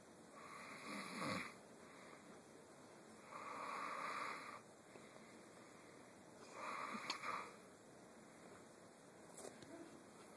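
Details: Soft rasping snores on each breath, about four breaths over ten seconds, with quiet room hiss; a man snoring during sleep.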